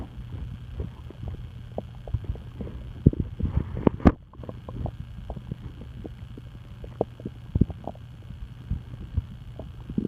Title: Stomach noises